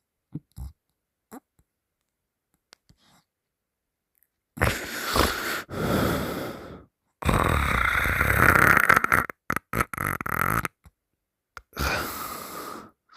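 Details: Three loud, rough open-mouth snoring bursts separated by silence with faint noises between, heavy snoring during sleep; partner held the sleeper's nose shut three times, the sleeper waking the third time with weird noises.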